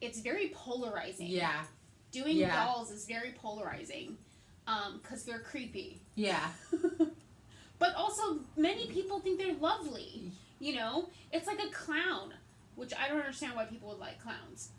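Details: Adult woman; typical speech.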